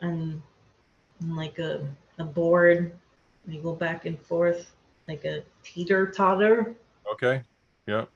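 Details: Aphasia in an adult woman after a hemorrhagic stroke; she could not talk for two years afterward and still has word-finding difficulty.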